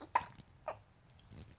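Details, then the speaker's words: Two short, sharp, quiet hiccups about half a second apart from a 3-week-old baby girl born before her due date, in a quiet room; infant hiccups. "You have hiccups. Say, I'm 3 weeks old today."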